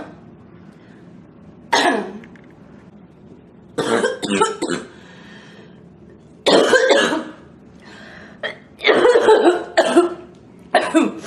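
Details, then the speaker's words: Girl coughing, saying the coughing makes it hot and hard to breathe; repeated bursts of dry coughing mixed with throat clearing and snorts, about six bouts with quiet pauses between them. "All this coughing is [clears throat] making it really hot and hard to breathe."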